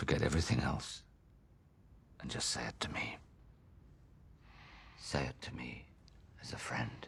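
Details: Adult male actor in a film scene; normal speech.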